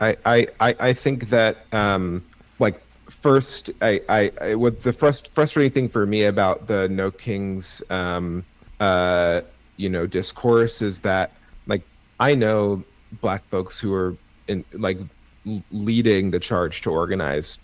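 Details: Adult male with cerebral palsy and a stutter he thinks is part of his CP, which made him self-conscious when younger; his triplet brothers also have cerebral palsy; his own conversational speech; stuttering.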